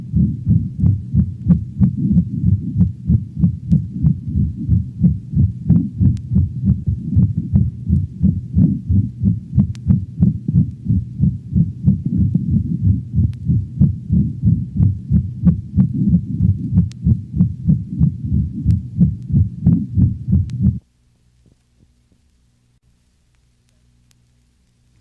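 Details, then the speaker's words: Dog, over the aortic valve region, radiating to cervical vessels and cranial right thorax: regular heartbeat with a harsh crescendo-decrescendo systolic murmur, first and second sounds may remain audible; aortic stenosis murmur, often confused with pulmonic stenosis. "the crescendo decrescendo murmur of aortic stenosis is often confused with the murmur of pulmonic stenosis this murmur is heard over the aortic valve region and radiates to the cervical vessels and the cranial right thorax"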